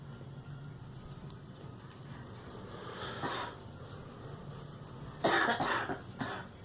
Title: Girl coughing